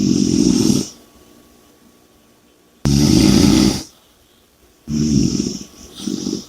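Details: Heavy snoring with loud, rough, rattling snores on each in-breath about every two seconds and quiet pauses between.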